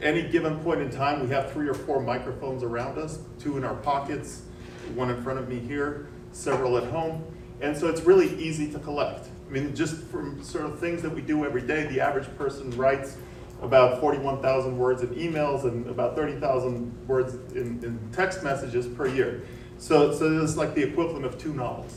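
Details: Adult man; typical speech.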